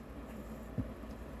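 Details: Adult woman talking while repotting plants, throat noted as unwell; a faint catch, then a sharp voiced gulp of a hiccup breaks a quiet moment.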